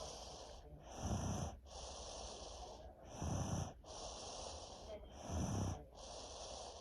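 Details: Sleeping child ill for over a week with strep and a head cold, snoring steadily with low rattling snorts on each inhalation at about 28 breaths per minute; she snores whenever ill.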